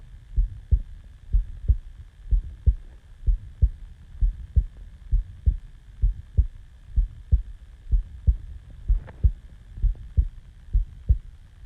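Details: Self-recorded heartbeat just after waking from sleep: steady low thumps at about 63 beats a minute with a faint hum behind them; normal resting heartbeat.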